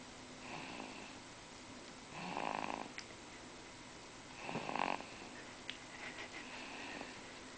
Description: Two-month old, snoring away